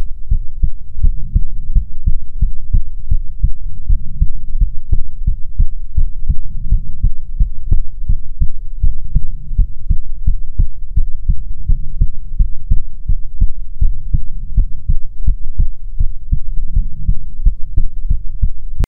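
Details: Soothing ASMR heartbeat recording: steady, regular, deep heartbeat thumps with a soft low hum underneath, continuing throughout.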